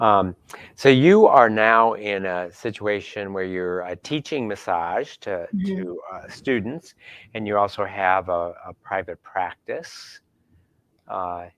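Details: Adult male speaker; normal speech.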